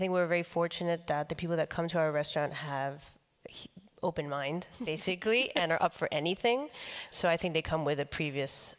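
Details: Man with the neurological disease dystonia, which in his case impairs control of his neck movements and can affect other body parts; he says he has no real tone of voice: dystonia affecting the voice.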